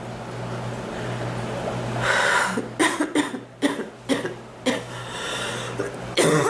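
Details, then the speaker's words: A run of about six harsh coughs in quick succession over room hum; a recurring cough that hurts the back more than the chest and comes and goes. "oh it hurts my chest and my back more my back than my chest to cough it seems like it gets better and it gets worse"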